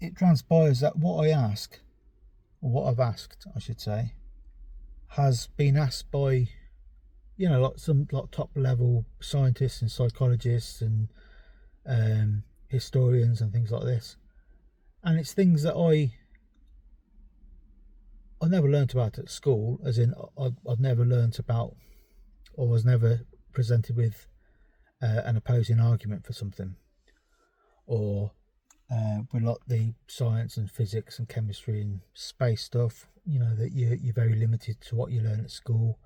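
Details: Stammering in a 43-year-old man, a stammer that developed only in the last few years, with word avoidance and substitution, restarted sentences and mumbling.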